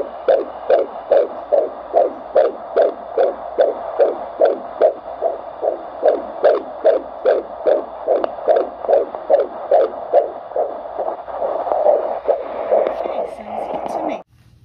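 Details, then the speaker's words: Fetal heartbeat of a baby boy on Doppler at a 25-week prenatal check-up: rapid, regular whooshing pulses at about 146 a minute, which the mother says sounds good. "baby's heartbeat sounds good as you guys heard"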